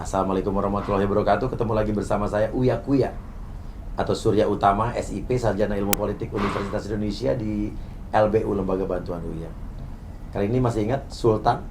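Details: Adult man speaking; normal speech.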